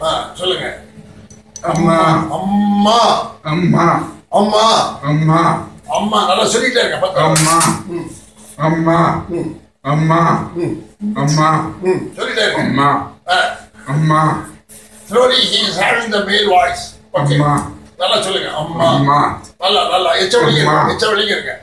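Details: Adult speech, voice therapy session; clinician modelling words.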